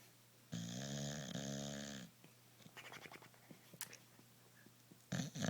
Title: snoring bulldog